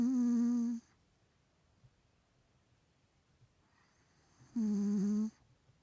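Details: Two tonal, whistly snores with quiet gaps from a 3-year-old male Maine Coon cat with a bad nose; likely nasal snoring through a blocked nose.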